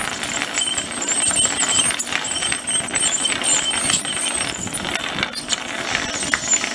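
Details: Pug dog undergoing ultrasonic tooth scaling at a veterinary clinic; continuous high-pitched hissing and whining of the ultrasonic dental scaler with room noise; ultrasonic dental scaler in use.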